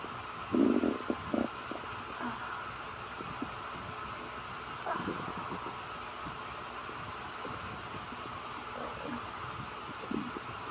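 Gurgling, bubbling rumbles over steady room hum; normal hunger-related bowel sounds after a long fast.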